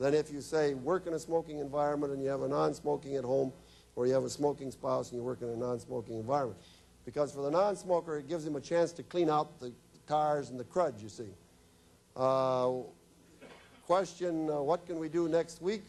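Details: Woman whose larynx was removed, followed by radiation and chemotherapy, speaking with an electrolarynx, a battery device held against the throat that makes a beeper sound she articulates into speech; electrolarynx speech.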